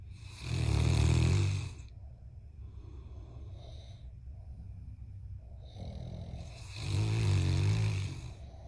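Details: Heavy snoring from a sleeping giant Mastiff puppy and a man: two long, loud, rumbling snores about six seconds apart with softer breathing between them.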